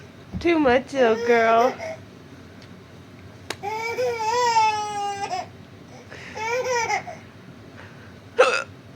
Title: Baby laughing at moms hiccups